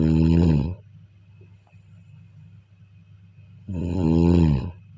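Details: Snoring during sleep: two loud, deep buzzing snores separated by a quiet pause.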